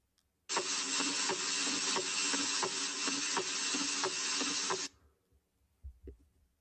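Regular heart sounds under heavy steady hiss, with an extra soft sound just before each first sound: a fourth heart sound (S4 gallop).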